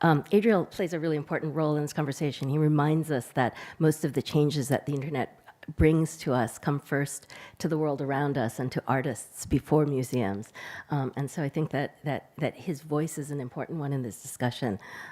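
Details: Adult woman speaking; normal speech.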